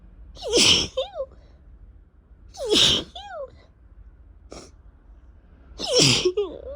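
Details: Three loud explosive sneezes, each ending in a short voiced tail, with a brief sniff between; repeated spring sneezing, attributed by the person to allergies, alongside a two-week cough.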